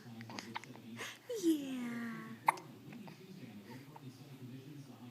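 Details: Baby girl after a bottle feed, just before a nap, making a soft infant vocal sound with a few brief catches amid faint room noise; harmless infant hiccups.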